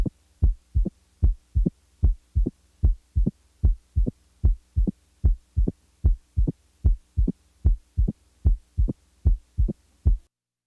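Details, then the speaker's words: Opening snap recorded at the apex in mitral stenosis: regular heartbeat about 75 a minute with a sharp, short high-frequency sound 60–100 ms after S2 in early diastole, best heard with diaphragm pressed firmly. "opening snap the opening snap is a short high-frequency sound which occurs after the second heart sound in early diastole it usually follows the second sound by about 60 to 100 milliseconds"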